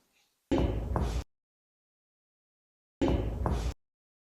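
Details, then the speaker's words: Two hollow, low-pitched percussion taps with short ringing notes over the supraclavicular region during comparative lung percussion, examiner standing at the patient's right; resonant percussion note over normal lung. "Comparative percussion, always in every side of the lung we will hear the clear lung sound. So we will start from the supraclavicular region."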